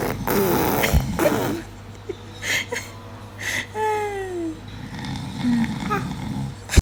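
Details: A baby imitates snoring with rough, rattling snore-like sounds mixed with squeals, with laughter and music in the background.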